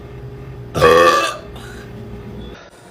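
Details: Young woman burping: one deep, drawn-out, voiced belch of stomach air over faint background music; burping.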